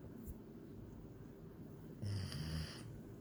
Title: German Shepherd Snoring